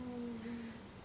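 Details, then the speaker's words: Pet Rue sleeping nearby, not sleeping well lately; a short, steady, hum-like nasal tone slowly dropping in pitch, a whistling snore. "You can hear Rue snoring. And on my lower lash line a bit too. She's really snoring."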